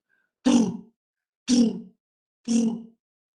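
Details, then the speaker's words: Three loud, harsh, blowing bursts about one second apart: holosystolic Roger murmur of a ventricular septal defect, loudest at the left parasternal region near the lower sternum. "la comunicación es el paciente desde nacimiento que tienen un ruido el máximo la región para externa la izquierda en la barra el apunte en la punta no en la mina punta del esternón y la característica es el famoso soplo de roger es éste"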